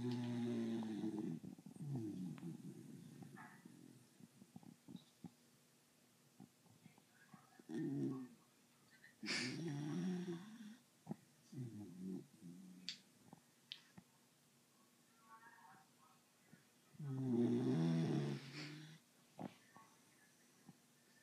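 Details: Sheldon, held like a baby, fell asleep right away and began snoring loudly: irregular low rumbling snores with soft snorts between quiet pauses; ordinary snoring.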